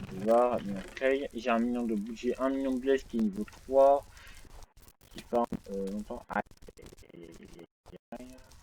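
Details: French-speaking male gamer who reports having a small stuttering problem; stuttering.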